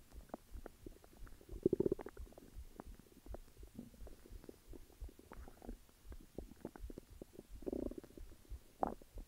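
Quiet bubbling and popping gurgles with a few louder rumbling bursts, ordinary stomach growling; a normal bowel sound.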